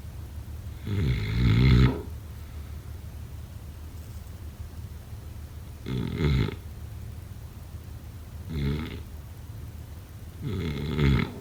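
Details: Four deep, fluttering snores on breathing in during sleep, with quiet pauses between; loud snoring.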